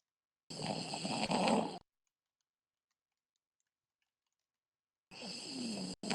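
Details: Adult woman snoring in sleep: two harsh, rasping snores separated by several seconds of silence.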